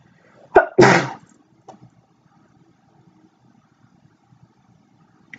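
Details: Single sneeze in a quiet room: quick indrawn breath, then one loud explosive burst with a faint trailing sound.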